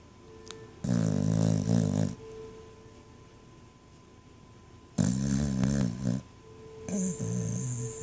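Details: Dog snoring very loudly in sleep: rumbling snores lasting over a second each, about every four to five seconds, with faint background tones.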